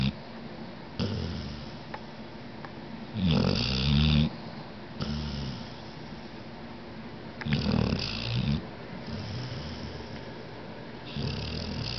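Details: Pet named Poppy asleep: rumbling, fluttering snores about 14 a minute with irregular loudness and soft snorts between; loud pet snoring.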